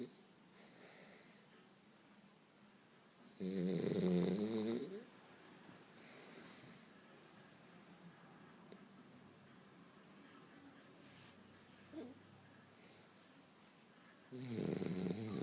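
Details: French Bulldog, flat-faced dog, sleeping: loud rattling snores with softer snuffly breaths between them in a quiet room; snoring.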